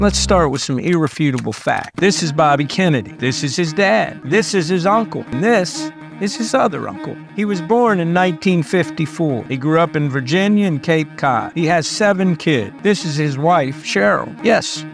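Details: Adult male narrator; normal speech.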